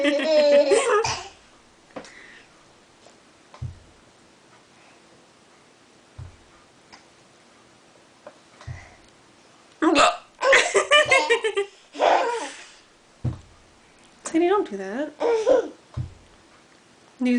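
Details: Child and adult both with hiccups: brief, abrupt gulping hiccups repeating every few seconds between bits of talk and laughter.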